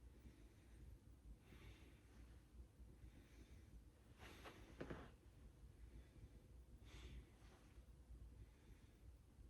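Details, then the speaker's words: Nursing head-to-toe assessment, stethoscope lung auscultation over front and back while the patient takes deep breaths: soft, steady slow deep cycles with hiss; lungs clear and equal bilaterally, with no breathing difficulty or asthma history reported. "And on both sides, the lungs sound clear and equal bilaterally. So that's what we want to see."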